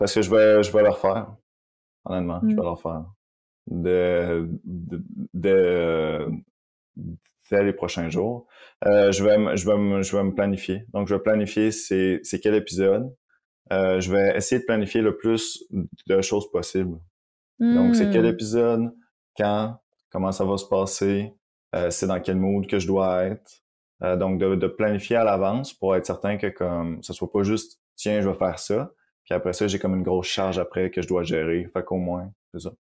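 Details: Adult man who stutters, a guest on a stuttering-themed French-language podcast, speaking spontaneously: stuttering.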